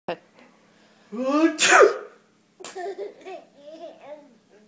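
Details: One loud, drawn-out voiced sneeze from an adult (the father), followed by a small child's giggling and chatter; sneezing.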